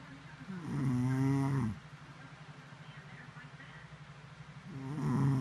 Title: Wife snoring